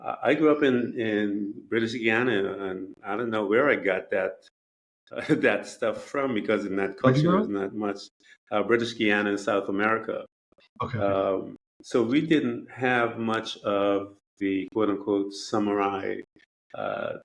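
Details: Adult male speaker; Normal speech.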